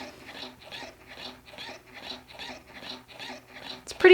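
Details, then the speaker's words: Rapid, regular rasping pump cycles, about two a second, fairly loud in a quiet room: a Willow wearable hands-free breast pump, one side worn with shell in, running in stimulation mode. "and since i already have this one shell in i'm gonna turn this one on so you can hear it i don't have both and so this is one [Music] this is stimulation mode"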